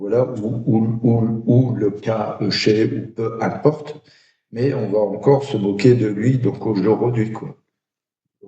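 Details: Adult who stutters. Finding: stuttering.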